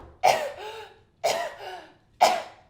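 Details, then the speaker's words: An adult imitates an effective cough in a choking baby: three strong, open coughs with air moving freely in and out both ways, meaning the child is clearing it themselves and back slaps are not needed. "So as long as they have an effective cough or you're hearing them cry, that sounds like this."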